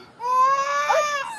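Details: 5-month-old infant during ear piercing: a sudden, high-pitched, sustained wail, a pain cry.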